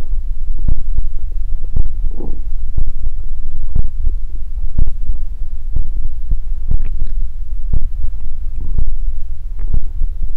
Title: [BODY ASMR] !요청폭주! 꼬르륵소리 stomach growling sound | 요즘 tmi 대방출 | 꼬북베개 사용후기